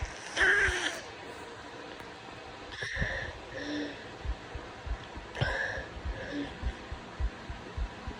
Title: Bad cold really congested lots of sneezing and. Wry snotty sniffling